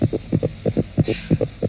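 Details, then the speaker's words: Pet hamster's heartbeat heard by a listener, contrasted with slower dog and human hearts: very rapid, regular paired thumps, a normal fast rate for a small mammal. "So if I listen to Hamish's heartbeat, are you all right, Hamish? Let me just do that. Oh, it's so fast. It's really, really fast."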